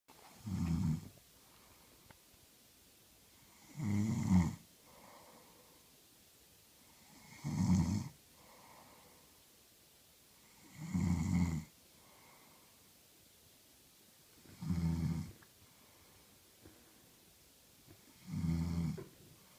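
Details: Steady low rattling snores on each breath in, about 17 a minute, with softer breaths out between them in a quiet room, from a woman who fell asleep while reading; snoring.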